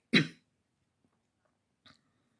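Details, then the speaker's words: One loud, harsh cough, then a faint second sound in quiet; an adult's persistent cough lasting several weeks, now less frequent, with shaking during coughing spells. "I honestly didn't want to make this video, but I'm coughing a lot. I've been coughing for the last few weeks, and even though I'm not coughing as frequently, when I do cough, I start shaking."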